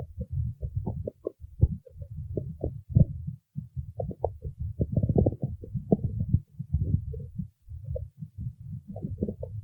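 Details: Loud, continuous low rumbling with rapid bubbling pulses: vigorous stomach growling (borborygmi).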